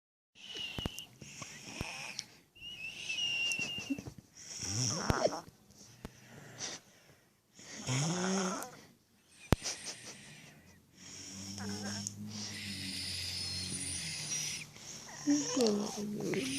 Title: Baby snoring